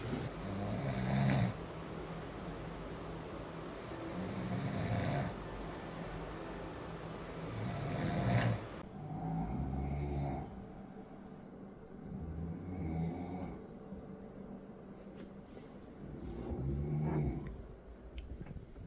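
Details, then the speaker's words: Boyfriend's severe snoring before CPAP, sleep apnea on polysomnography at 70 apneas per hour: loud, rough snores at a steady sleep-breathing pace. "남자친구가 알고 보니까 코골이가 진짜 너무 심한 거예요. 어느 정도냐면요."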